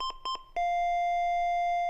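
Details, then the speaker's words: LIFEPAK 15 monitor-defibrillator with a Rainbow sensor: three quick high beeps, then a sustained lower tone, an advisory alarm when SpCO rises above 10% or SpMet above 3%, and the elevated value flashes instead of SpO2. "an alarm tone an advisory message and the elevated value starts flashing here instead of the spo2"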